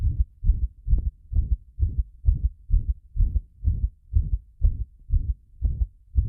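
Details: Heart sounds recorded with pressure applied after bathing: regular, forceful low thumps at about 130 beats a minute, a fast rate.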